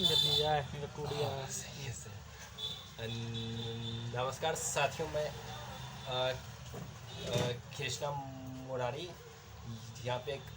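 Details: Adult male speaker, Hindi; stuttering (prolongations and blocks).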